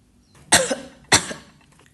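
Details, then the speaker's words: Two short, sharp coughs about half a second apart, acted by an adult in a small room; simulated cough. "Kamu sepertinya lagi batuk Cobain deh ini madu gurfit bisa membantu kamu meredakan batuk loh"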